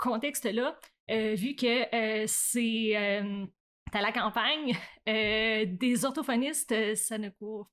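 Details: Adult woman who stutters, onset around age 7 or 8; stuttering.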